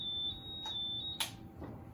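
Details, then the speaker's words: ICU bed-exit alarm clipped to the patient's gown (or top of the sheet), pulling off when the patient sits up: steady high-pitched electronic tone with a brief clatter. "You're going to clip it to the patient's gown, and when they try to sit up, it's going to pull off and make an alarming sound."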